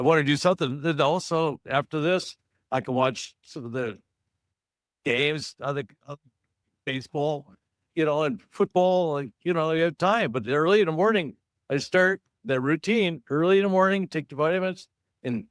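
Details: Adult man, stroke survivor in an aphasia support group, living with aphasia after stroke, who says his talking has improved over the past couple of years; aphasia.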